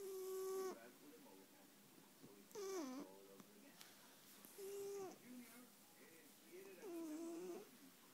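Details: Eldest cat in deep sleep after a close shave, unusual snoring: four tonal, squeaky, voiced whistling sounds in slow rhythm, about 27 a minute.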